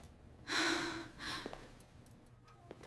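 One sharp, noisy inward gasp, then a softer second breath. It is acted, in a dramatized story.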